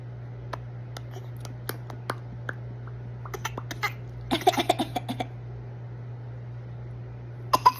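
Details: A dog gives a run of short, sharp, dry coughs over a steady low electrical hum: cough.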